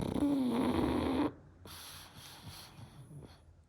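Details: A loud, rough, rattling breath with a wavering tone, then quieter snuffling breaths: snoring from a 6-year-old pug.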